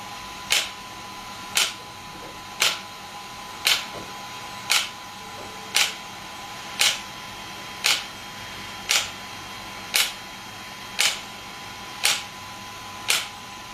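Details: Shockwave therapy device (SW5S) firing during treatment, gel applied: sharp, evenly spaced clicks about 57 a minute over a faint steady tone.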